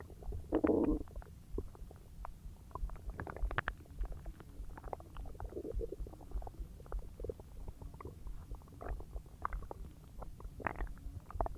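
Gurgling, bubbling rumbles and soft clicks from the belly, loudest at the start; normal bowel sounds of digestion after a large meal.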